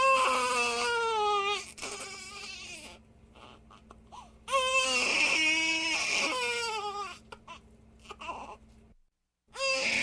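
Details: Loud, high-pitched infant crying in long wailing bursts with pauses and breaths between; ordinary baby cry.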